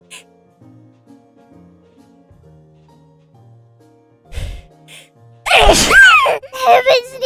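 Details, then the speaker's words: Female streamer with allergies who sneezes very often: a short wind-up, then a loud explosive sneeze with voiced squeals over background music; sneezing. "I have an allergy. I think if there was a world record counter, then I would be on the top for how much I sneeze a week."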